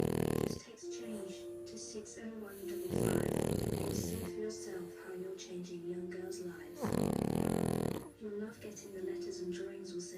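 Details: French bulldog asleep after a long walk: loud, rattling, snorting snores repeating in long cycles, with a steady tone in between.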